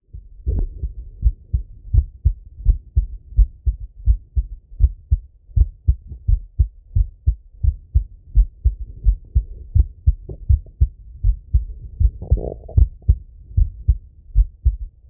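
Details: Self-auscultation of a male's heart through a stethoscope as he falls asleep: steady, regular low thumps at about 85 beats a minute; normal heart sounds.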